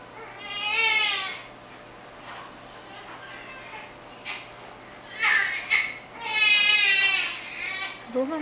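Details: Baby during a continuing hiccups episode: two bouts of high, wavering infant crying separated by quieter fussing, with low room hum in the background; an ordinary baby cry.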